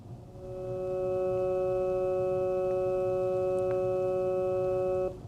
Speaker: so this is a patient without seizure what you hear is the background alpha activity around ten Hertz now here's another case without seizure